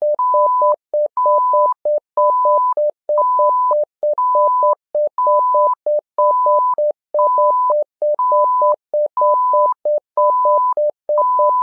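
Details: Simulated patient monitor (SimMon) alarm: rapid repeating quick electronic beeps alternating with a higher sustained tone, cycling about once a second.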